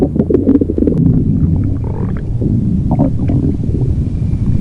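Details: Low, rolling, gurgling stomach growl lasting several seconds; ordinary borborygmi.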